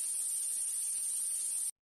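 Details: Simulated buzzing-type tinnitus: steady high-pitched buzzing hiss, one of seven common tinnitus types.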